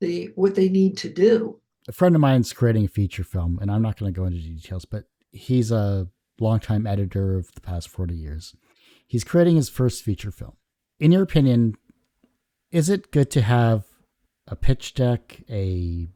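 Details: Adult male speaker; ordinary speech.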